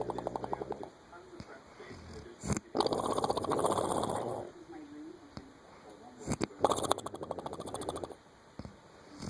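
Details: Loud fluttering snores with rattling, lip-flapping vibration, like a horse's snort, over a few breaths; snoring.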